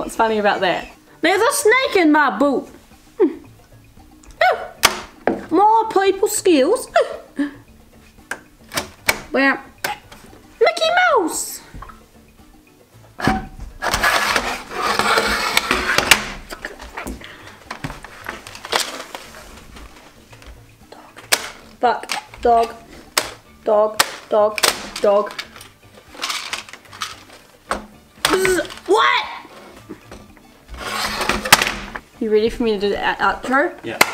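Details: Teen with Tourette syndrome playing a board game, with sudden outbursts and repeated words or phrases; finding: Tourette syndrome vocal tics.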